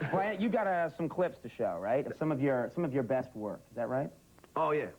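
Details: Adult male speaker; typical speech.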